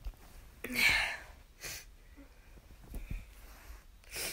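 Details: Sneezing in a person with seasonal allergies: a sharp inhalation and an explosive sneeze, then further short bursts of a sneezing fit with sniffing.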